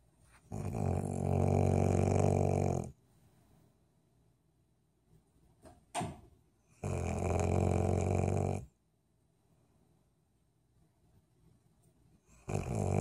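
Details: Golden retriever named George snoring while asleep: loud, long, rattling snores on each breath, separated by quiet pauses of several seconds; heavy snoring.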